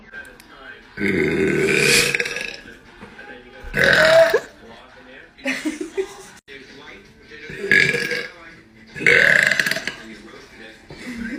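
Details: A compilation of a person letting out several loud, drawn-out voiced belches in a row, with quiet gaps and faint talk between them; burping.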